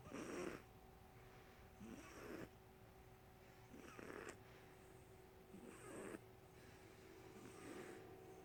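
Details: Cat sleeping with tongue sticking out, snoring loudly: regular rasping snores, about five in eight seconds, faint steady hum in a quiet room; snoring.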